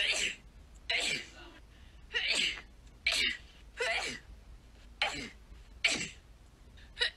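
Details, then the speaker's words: A run of about eight quick sneezes, each with a breathy burst, roughly one a second; ordinary repeated sneezing. "here is me sneezing enjoy"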